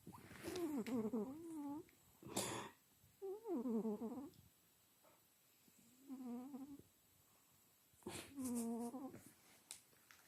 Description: Кот сладко храпит)Sweet cat snores:))